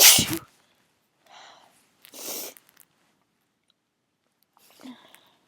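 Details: Induced sneezing while drunk, the nose tickled with a clothes tag. One loud explosive sneeze, then hitching breaths and a stifled false-start sneeze; the nose still itching.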